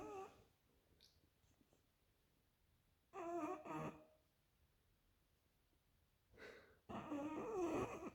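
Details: A sleeping English bulldog gives loud, rough, rattling snore bursts separated by quiet pauses in a small room, sometimes audible from an upstairs bedroom: snoring.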